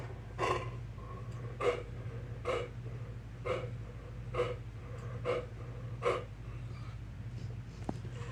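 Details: Wheezing and labored breathing in a patient, recorded in the morning: noisy, effortful breaths about 70 a minute, each with a rasping, whistling edge over a steady room hum.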